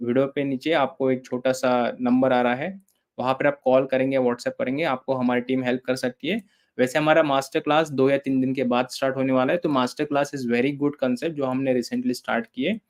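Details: Adult male speaker; Normal fluent speech.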